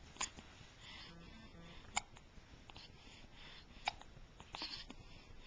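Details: Sharp, abrupt hiccups about every two seconds over quiet room noise; a bout of hiccups.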